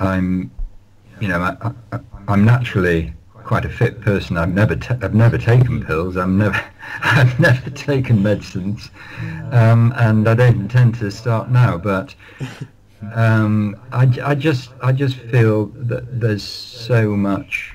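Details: Adult man who has stammered all his life, managing it with prolonged speech and relaxation techniques; stammering (stuttering).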